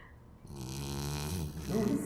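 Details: Black Labrador dog snoring during an afternoon nap at a dog daycare: a single long, rumbling, vibrating snore on breathing in, ending in a snort.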